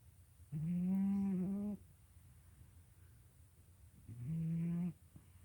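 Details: Two drawn-out, humming, tonal breath sounds from a sleeping cat, each over a second long, with quiet gaps between: harmless snoring.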